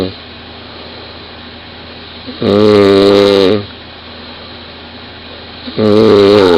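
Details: 20-year-old woman recorded by her partner in bed beside her: two loud, buzzing, vibrating snores about a second long, separated by quieter breathing against steady room hum; loud snoring.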